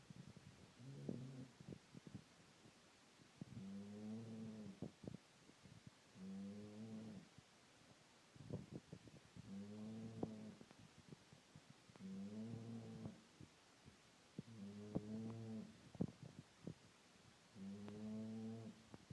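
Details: Dog sleeping one hour after returning home from a day missing, tired, stressed and hungry: slow, regular rattling snores on each in-breath, about seven in twenty seconds; ordinary snoring.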